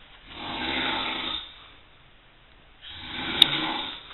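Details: An adult man snoring: two long rasping snores, each about a second and a half, separated by a quiet pause.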